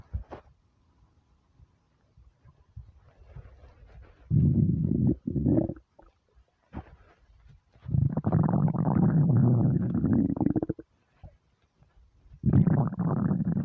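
Loud, prolonged gurgling and growling rumbles in several bursts with quiet gaps between; hunger-related stomach rumbling, a normal gut sound.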